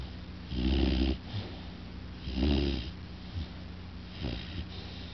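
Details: Very loud snoring: loud, rattling snores repeating about every two seconds, roughly 30 breaths a minute, with quieter exhalations between them.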